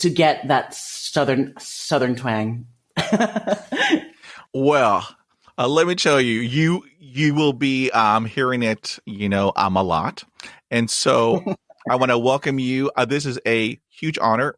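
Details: Adult who has stuttered since age 5, when a dog attack made his head hit concrete; he was unable to speak for a year and has had 20 years of speech therapy; he reports blocks, repetitions, not breathing and eyes closing; stuttering.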